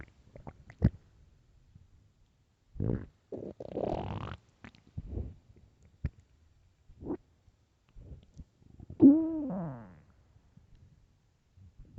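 Gurgling, rumbling stomach noises with a long squeaky growl near the end. Normal hunger growls.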